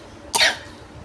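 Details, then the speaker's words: One short, sharp cough burst with sudden onset and rapid fade in quiet room noise, from a young person with a cold who had been coughing a lot. "I just coughed a lot, that's all. Please just do not comment, are you okay? I literally have a cold."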